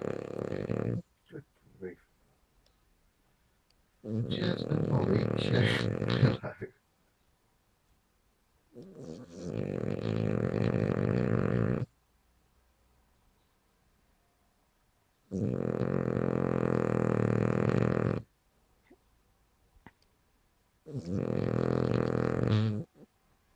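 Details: Milly, a King Charles dog, snoring: long, loud, rattling, buzzy rounds roughly every five to six seconds.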